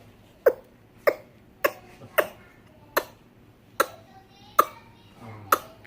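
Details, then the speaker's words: Eight short, light, evenly spaced voluntary fake coughs from a baby boy, made to get attention rather than from illness; he is teething, has recently had shots, and is fussy. "not really it's not really coughing just made coughs to get attention"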